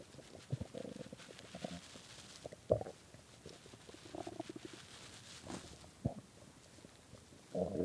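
Low gurgling and rumbling bursts with a few squeaky gas noises over quiet background; hunger stomach growling, a normal bowel sound.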